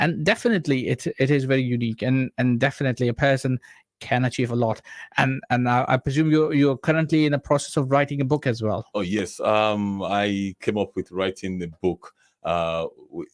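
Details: Adult man who says he stammers himself, speaking while invited to explain stammering; stuttering (stammering).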